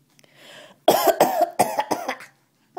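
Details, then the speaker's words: A mother's dry coughing fit, about five short, harsh coughs in quick succession after a soft breath in, while her baby girl laughs at the coughing; cough. "is that funny you think it's funny when Mommy coughs"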